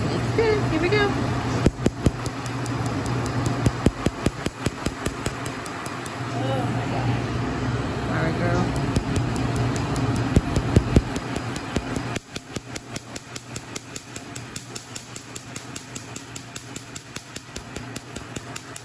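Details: Rapid sharp snapping clicks, about two to three a second, over steady machine hum during a third laser tattoo removal session on the left ring finger; laser tattoo removal device firing pulses.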